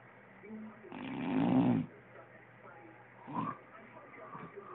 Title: My dad snoring.